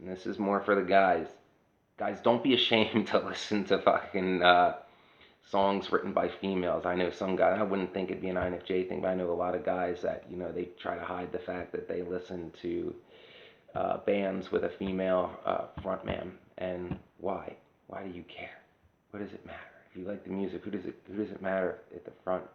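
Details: Adult woman whose voice changed after laryngitis in 2009, unable to sing for over a decade since; dysphonia.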